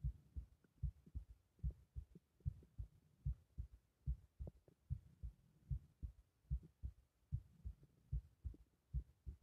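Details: Regular, forceful low thumps at about 74 a minute from a strongly pulsating carotid artery; strong carotid pulsation.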